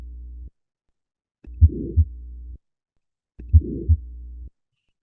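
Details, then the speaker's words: Pathological heart sound from a person with a murmur, recovered by an earphone-based sensing system: heart sounds with a rough whooshing murmur filling the gap between first and second sounds; heart murmur. "We also like you know test our system on those pathological her sounds for example people with murmurss. So let me play it again."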